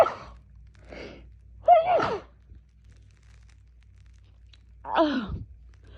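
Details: Woman in a rapid, muffled sneezing fit, sneezing all day since waking, suspected fall allergy season; a run of short, muffled sneezes, each preceded by a sharp intake of breath.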